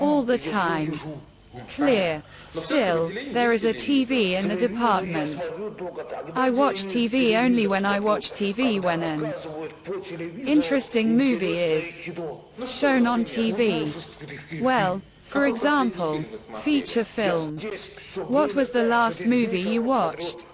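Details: Adult interviewer in conversation with a patient; normal speech.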